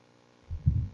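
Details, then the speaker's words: Paediatric acyanotic congenital heart disease teaching: patent ductus arteriosus continuous machinery murmur, a low rumbling murmur without a gap, heard at the left upper sternal border near the pulmonary area, with very soft S1 and loud P2 from increased pulmonary flow. "And the pulmonary component of the second heart sound is loud due to increased pulmonary blood flow. Listen to it again. Could you identify the loud P2? It's called a machinery murmur."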